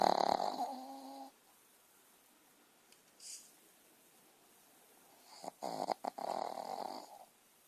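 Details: Puppy snoring while asleep on a Sunday morning: an opening snore with a high nasal whistle, then quiet, a faint snort, and a few short snuffling snores.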